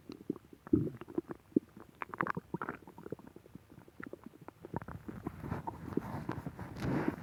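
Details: Bowel sounds (borborygmi).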